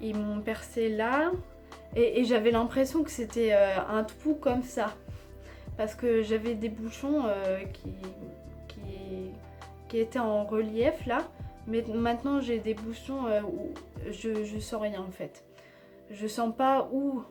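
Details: Aphasia after stroke in an adult woman with Tourette syndrome (onset age 3, diagnosed at 11) treated surgically, devices removed January 2020; aphasia worsened after a second operation and her speech varies day to day.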